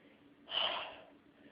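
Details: Person with nasal congestion and a tickle trying to sneeze: a single short, hissing nasal burst of air, like a snort or a stifled sneeze that does not fully come.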